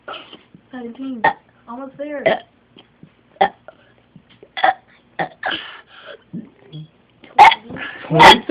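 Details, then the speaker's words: Seven-year-old boy deliberately burping in quick succession to beat his record of 30 burps: loud, repeated, partly voiced voluntary belches, not hiccups. "and how many burps can you do uh-huh okay so right now you're gonna try to beat your record and begin"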